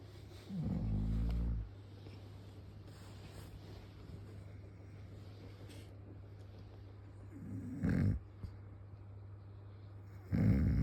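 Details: Man's snoring during sleep, three low rattling snores at irregular intervals over a steady background hum; he insists he was not asleep.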